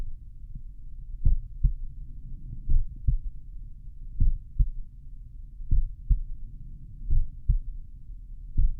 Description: Here’s another slow file for you all, recorded at my mitral valve this time. As usual, I was just lying on my back.